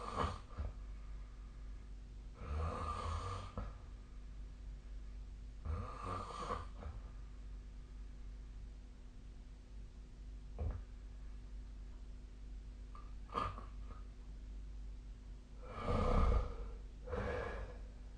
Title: 🐽 本日のイビキ / Snoring Sleep Sound 2025/01/21